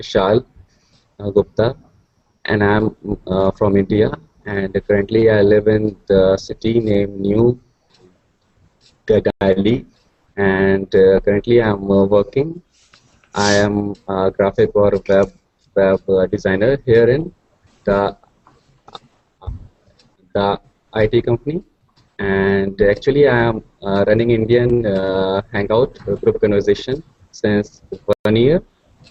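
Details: Man who stutters (person who stutters) from India, speaking while introducing himself; he describes his stuttering as repetitions of sounds and syllables and speech that gets locked (blocks). Stuttering.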